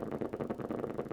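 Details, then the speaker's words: Rapid, regular crackling pops from the EMG speaker as the patient pushes the fingers down voluntarily: normal motor unit potentials on upper-extremity needle EMG. "are normal motor units everything looks good"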